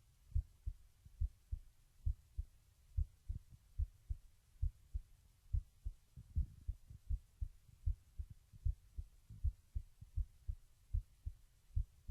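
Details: Steady, regular low thumping heartbeat at about 65 beats a minute with no added sounds, recorded with a webcam mic while lying down.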